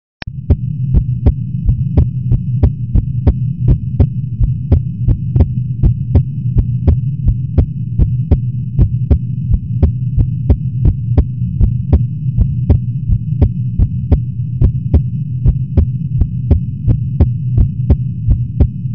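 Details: Person's heartbeat recorded just after waking, a little fast: steady, quick heartbeat thumps over a loud, constant air-conditioner hum.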